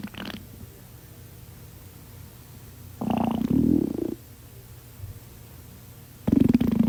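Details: A person's stomach growling: loud gurgling, rumbling bursts of a few seconds from the abdomen with quiet gaps between; bowel sounds (borborygmi).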